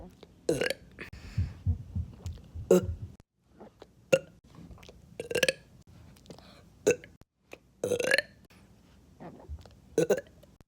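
A run of about eight short, voiced belches with quiet gaps between them, in a quiet room.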